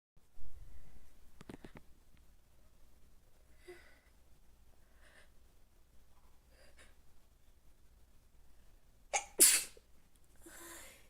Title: sneezing allergy🤧🤧 #sneezing #sneeze